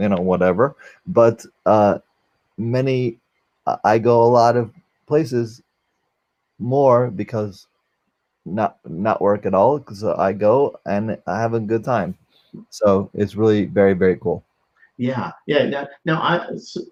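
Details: Aphasia after a stroke during valve surgery in a 44-year-old man, a former paramedic, now unable to use one arm; difficulty communicating; finding: aphasia.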